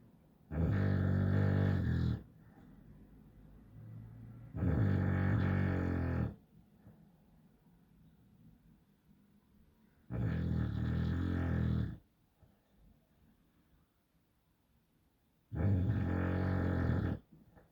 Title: Snoring bulldog nap